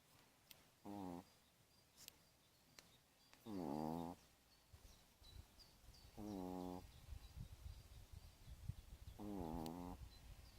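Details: Pomeranian dog sleeping during a manicure, snoring: four loud, buzzing snores about three seconds apart, each a rough vibration under a second.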